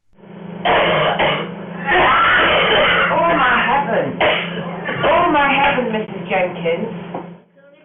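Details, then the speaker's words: Vocal imitation of what may be heard when someone with swallowing difficulty drinks: harsh, forceful coughing and gagging bursts with strained voiced sounds over a steady hum, illustrating coughing/choking after swallowing in dysphagia. "and then what you may hear then is you may hear some coughing either someone doing this sort of thing we need to drink or that might even get more aggressive like ah ah it will it can get up to that"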